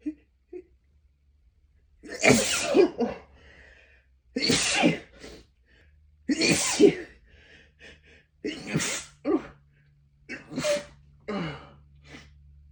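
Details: About six forceful, explosive sneezes, each after a sharp intake of breath, with quiet pauses between; they burst out while the sneezer tried to hold back for over a minute by pinching the nose, with building pressure and tickle; sneezing.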